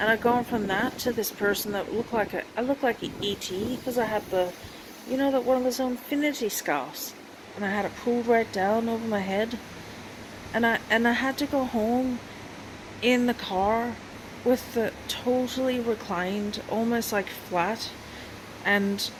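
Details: Woman with long-standing chronic illness, dystonia, tics and seizures, just home from hospital, speaking through lockjaw with a transient accent appearing after seizures; foreign accent syndrome.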